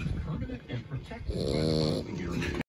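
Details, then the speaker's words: Sleeping French Bulldog, tired after a long day on a boat: low rumbling snorts with a drawn-out nasal honk on each breath, snoring typical of a short-nosed dog. "you were really snoring there lit yeah we caught you snoring like a tired ears our eyes were drooping so i'm so tired it's been a long day"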